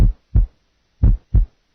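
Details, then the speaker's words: Normal first heart sound at the left lateral sternal border, presented as split. "listen now to a normal heart sound at the various sites first sound left lateral sternal border split"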